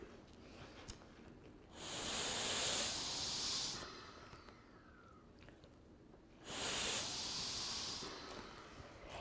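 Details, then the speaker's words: Two long, airy rescue breaths, about two seconds each, blown through a pocket mask on a CPR mannequin between 30-compression cycles in a CPR/AED refresher demonstration, with quiet pauses between while watching for chest rise and fall. "so two breaths there's one breath notice you see chest rise and fall we're looking to see the chest rise and then fall"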